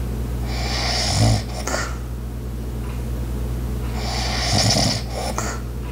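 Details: Light snoring, two soft rough breaths about three seconds apart, recorded for ASMR over a steady household hum with ice maker, clock and walking sounds; snoring.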